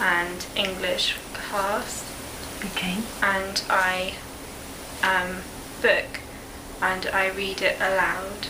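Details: Expressive (Broca's) aphasia after a stroke at age 19, as a high school senior; halting, slow, effortful speech with appropriate answers.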